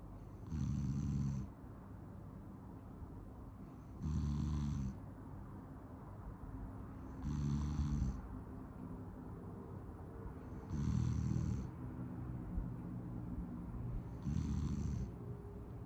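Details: Soft, low, rumbling snores about every three and a half seconds, roughly 17 a minute, during sleep; regular snoring.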